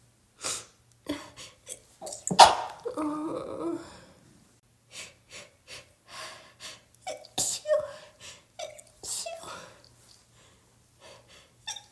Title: more cold sneezes because I can’t stop